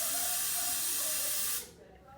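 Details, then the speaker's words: Dental air-water syringe checked during office opening routine, air and water each run 20–30 seconds then both together; steady loud hiss of air and water spray about 1.5 seconds, then stops; syringe spray. "the next step would be to check the air water syringe first you check the air flow for 20 to 30 seconds and then you check the water flow for 20 to 30 seconds"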